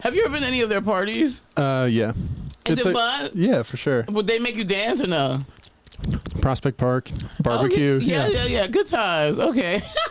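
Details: Adult men in conversation; normal conversational speech.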